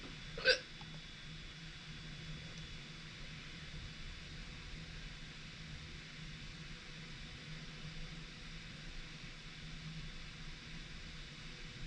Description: I recorded a new hiccup sound!